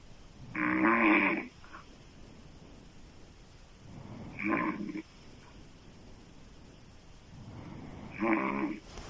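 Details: Female loud open-mouth snoring: three loud, coarse snores with quiet breathing between them, about 16 a minute.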